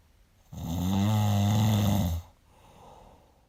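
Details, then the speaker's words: An adult with sleep apnea gives one loud, low, rattling snore lasting almost two seconds, then a quieter breath out, amid shallow breathing and silences: snoring. "looooong, noisy, vibrating, snore..... looooong quiet exhale........ short, shallow, noisy inhale short, shallow quiet exhale.... general shallow breathing SILENCE!!! sudden, loud deep vibrating snore!"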